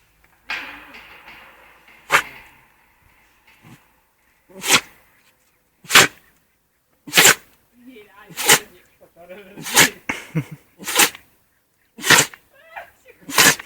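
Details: Dog sneezing, jokingly called allergic to humans: about ten sharp, explosive nasal bursts in quick succession with snuffling between them.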